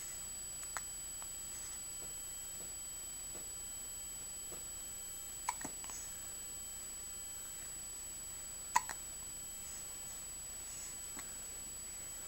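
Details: Person with hiccups: about three faint, abrupt clicking hiccups, spaced irregularly, over steady background hiss.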